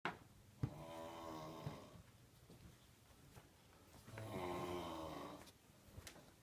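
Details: Snoring: two long, rough, rattling breaths drawn in while asleep, a few seconds apart, in a quiet room.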